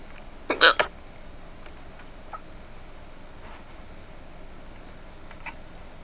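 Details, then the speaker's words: Hiccup spell that keeps returning: a single sharp hiccup near the start, then quiet room noise with faint small sounds. "funny they literally sound like they're going go they G maybe I love how my hiccups like to make a fool of me they're like go ahead talk about say they're gone say we're gone then they just come back"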